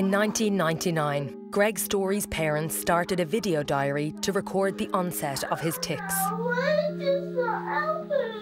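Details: Adult narrator; normal fluent speech.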